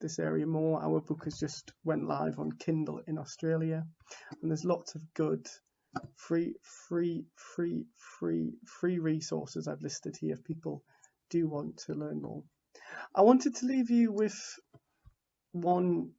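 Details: Adult man from the UK who identifies as a person who stammers; stuttering.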